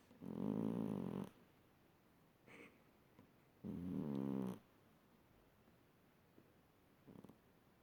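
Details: Sleeping pet cat snoring: two loud, buzzing, rattly snores about three seconds apart, with quiet pauses between.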